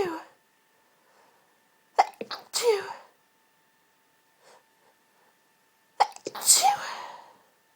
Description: couldn't get to sleep for the endless hayfever sneezing today so recorded this for you all